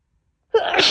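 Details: Woman coming down with another bad cold, likely caught from a roommate, very sneezy with a cough that is worsening: a single abrupt, explosive wet sneeze after silence; recording also includes nose blows and coughs.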